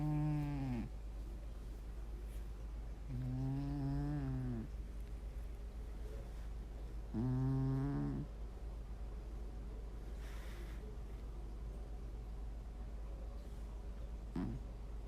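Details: Snoring: a cat with three droning, buzzy snores on the in-breath, roughly every three to four seconds, over a steady low room hum.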